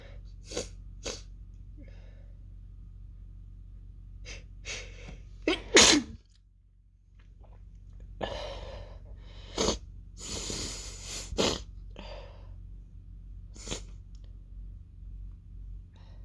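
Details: Woman's sneezing fit, almost fully stifled: run of many small, muffled, stifled sneezes, with a louder, more open sneeze partway through.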